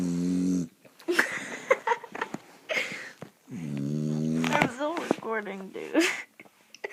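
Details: Dog snoring loudly while asleep: two long, low, droning snores with a person briefly talking in between.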